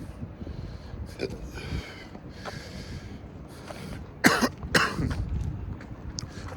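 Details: Two harsh cough bursts after softer throat noises and breathy sounds outdoors on a cold evening; a brief coughing fit in an adult after inhaling from a 2g disposable vape.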